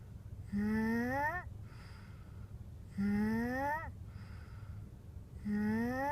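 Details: Sleeping snorer: regular high whistling tones rising on each breath, about 24 per minute, with soft breathing noise between; whistling, nasal-sounding snoring.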